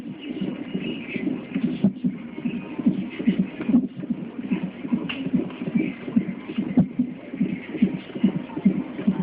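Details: A baby granddaughter's heartbeat recorded while she has hiccups: rapid, regular whooshing pulses, about 146 a minute, with some rubbing noise.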